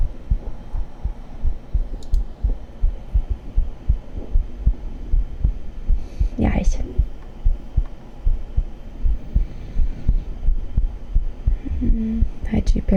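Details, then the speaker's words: Steady low thumping at about 78 beats a minute with a faint hum and soft background sounds: a normal heartbeat played in an ASMR sleep recording. The speaker says it is her own heart. "Is that your heart or Slammies? That's my heart."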